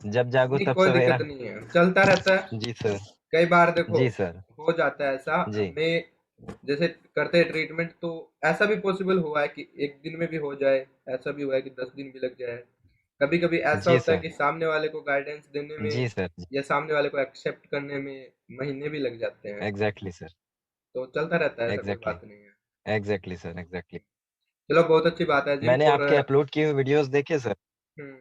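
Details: Adult male speaker; normal adult male speech.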